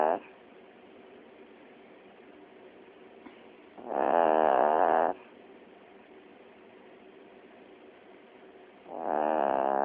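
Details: Chiweenie dog asleep, very tired, snoring: two loud, buzzing snore breaths about five seconds apart, roughly 12 breaths a minute, quiet between.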